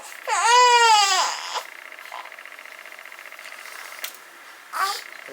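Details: Newborn baby girl after her first-time mother's three-day labour: two short cries, one longer wail and a brief squawk with quiet room noise between; newborn cry.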